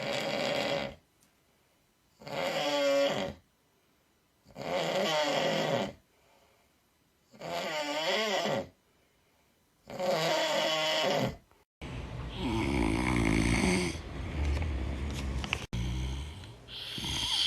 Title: [TikTok S02E05] | Snoring Bodybuilders